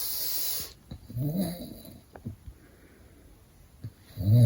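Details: Father snoring while baby sleeps: low rumbling snore with soft sleeping breaths between, in a quiet room.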